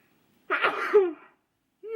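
A single forceful adult sneeze, a sharp noisy burst with a brief voiced tail, in a quiet room.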